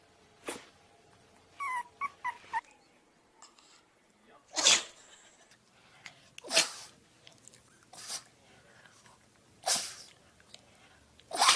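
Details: Several short, sharp snorting bursts from dogs with brief squeaky sounds between them; repeated dog sneezes.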